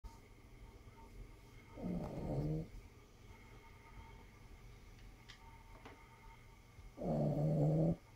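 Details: Sleeping Cavalier King Charles spaniel puppy gives two low, rattling snores about five seconds apart, with quiet breathing between; snoring.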